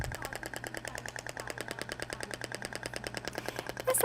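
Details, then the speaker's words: Radial shock wave applicator (THORK Shock Wave ESWT unit) held static on gel-covered skin at a lower frequency of 10 Hz: rapid, regular sharp clicks about ten per second, sounding distinct from higher-frequency firing. "então a frequência de 10 uma frequência menor então o barulho é um pouco distinto do outro tá"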